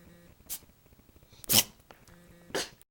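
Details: Cat sneezing: three short, sharp sneezes about a second apart, with faint room noise in between.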